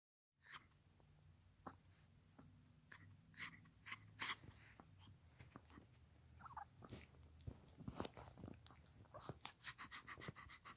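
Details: 18-year-old toy poodle, who fell down steps two weeks ago and could not walk, is panting very hard with rapid, short, noisy gasping breaths: heavy panting.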